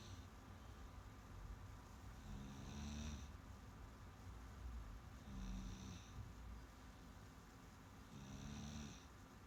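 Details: Snoring recorded on September 17, 2021.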